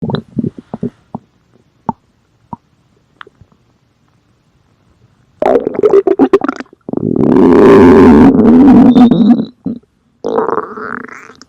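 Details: Soft gurgles and pops, then a long, loud, rumbling growl with a few gurgling bursts after it: stomach growling, or borborygmi.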